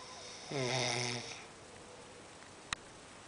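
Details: One loud, vibrating snore lasting under a second, then quiet breathing and a brief click, from a sleeper who snores all night; snoring.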